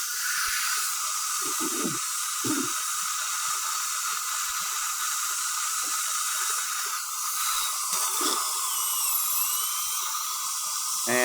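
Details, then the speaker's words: Steady high-pitched whine of a dental handpiece with water spray and brief contact sounds: a 12-flute finishing bur clearing bonding cement from interproximal embrasures between porcelain veneers (Lumineers). "using the 12 flute appear and following the outline of the porcelain you won't see me using this on the labial surface get in the interproximal embrasures and i'm just taking out the LT ball"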